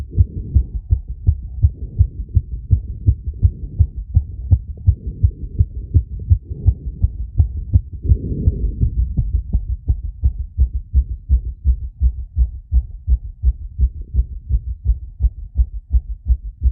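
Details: Phonocardiogram from an adult's chest right after intense exercise with breath-holding and rapid squats: a very fast, mostly regular sinus tachycardia at about 165 to 170 beats a minute.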